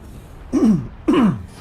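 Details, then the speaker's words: Adult man gives two short voiced throat-clearing bursts with falling pitch; he says he keeps coughing and is taking cough drops. "Secondhand smoke. That's what it sounds like I've had since I keep coughing."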